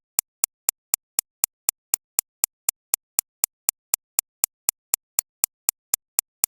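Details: Synthesized tinnitus-relief track digitally recreating an extracorporeal shockwave therapy machine's impact, targeting 6.5–13.5 kHz, not a real recording: sharp, bright, evenly spaced clicks at about 240 a minute.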